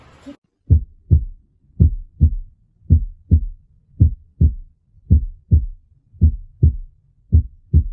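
Steady, evenly spaced lub-dub pairs at about 55 beats a minute, low and clear with no extra sounds; normal heart sounds in regular rhythm.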